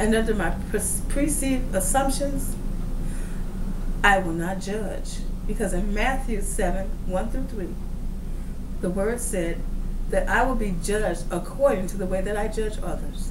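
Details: Woman who reports a speech impediment of unstated type: speech impediment.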